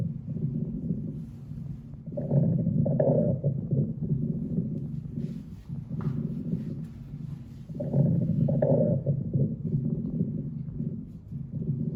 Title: Аускультация кишечника